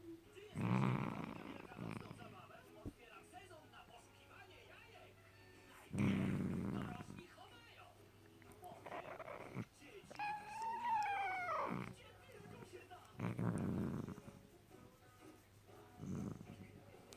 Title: Smieszne - spiacy i chrapiacy kot. Funny - sleeping and snoring cat